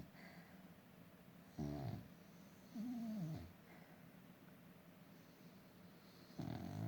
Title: Snoring dog